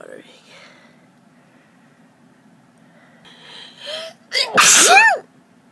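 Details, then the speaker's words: Seasonal allergic rhinitis in spring, with watery, itchy eyes, an itchy nose and throat, and sneezing all day: a sharp intake, then a loud, voiced sneeze ending in a trailing cry. "I've been sneezing all day I'd like to stop now oh itches oh my throat's itchy I can't do anything else"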